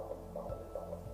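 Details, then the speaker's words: Normal fetal heartbeat on antenatal ultrasound with Doppler, after the fetal head and chest were scanned: rapid, regular whooshing pulses with a regular rhythm. "but right here we have a normal heartbeat and very regularly the rhythm is okay"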